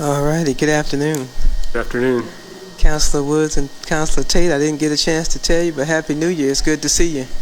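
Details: Adult speaker; normal voice.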